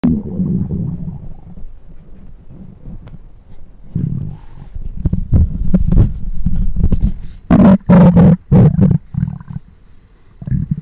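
Loud, irregular low gurgling and rumbling from the belly, with bursts of bubbling growls; ordinary stomach growling, a normal bowel sound.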